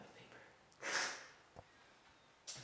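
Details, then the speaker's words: Single loud nasal snort with a smaller nasal burst at the end, against quiet room noise: a student sniffing black pepper to trigger sneezes for a school science project on how far germs travel. "Black pepper. And then, once I sniff it, I'll take the colored water, put it into my mouth, stand right here, and under the"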